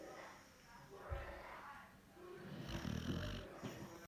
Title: Our dog snores. She also loves to cuddle funny dog